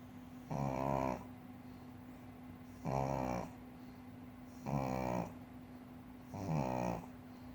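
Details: Four-year-old female pug sleeping on a cushion: rattling, buzzing snores on each breath in, about four in seven seconds, with a steady hum behind them; snoring in a flat-faced dog.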